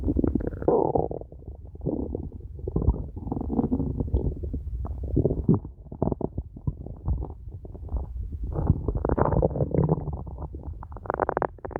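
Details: Very hungry person: low gurgling, bubbling rumbles rolling on and off over several seconds; ordinary stomach growling from hunger.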